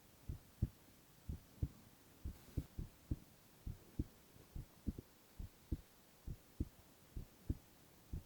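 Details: Male ASMR recording of heart sounds only, no talking: steady lub-dub heartbeat at about 75 beats a minute, soft low paired thumps, regular rhythm, no extra sounds; normal heart sounds.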